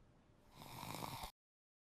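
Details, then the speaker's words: Simulated snort sound effect in an animated health explainer: a brief nasal snort rising in loudness and stopping abruptly, illustrating relaxed throat muscles and tissue narrowing the airway, as with weight gain; snoring-type sound. "When air passes through me while I'm relaxed. [snorts] When body weight increases, I pile up around the airway."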